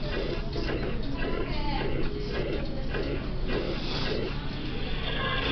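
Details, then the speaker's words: 60-year-old man with shortness of breath; heard with the diaphragm at the apex, no radiation: regular heartbeats with a steady blowing murmur filling systole, a holosystolic murmur. "For the first case, we have a 60-year-old man with shortness of breath. This murmur is best heard with a diaphragm at the apex and is without radiations."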